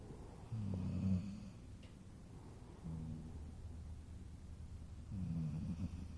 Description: My beautiful dog Gracie is snoring away laying on the couch right next to me, she is adorable 🥰.